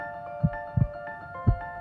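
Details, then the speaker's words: Normal heartbeat through a smart digital stethoscope in normal mode, with ambient sound and the speaker's talking also picked up; soft, low thumps under background music. "अभी आपकी heart beat सुन रही है। Heart beat है और अब मैं बात कर रहा हूं।"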